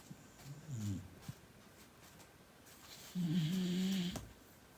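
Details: Soft snorting breath then a brief, high-pitched whistling snore from a sleeping beagle puppy, faint room noise; snoring.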